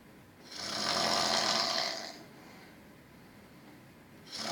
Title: Who snores?